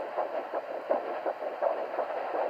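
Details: Home Doppler at 7 weeks 6 days of pregnancy: mother's pulse in the 80s and rapid regular whooshing fetal heartbeat around 170 a minute; first fetal heartbeat found.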